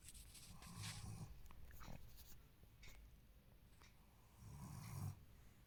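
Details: Bravo, a sleeping German Shepherd dog, snoring loudly: low, rumbling snores, two clear breaths in about six seconds, with light background noise.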